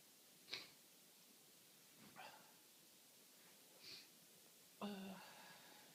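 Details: Adult with a cold and itchy nose sneezing uncontrollably and unpredictably: four short sneezes in quick succession, faint against room hiss.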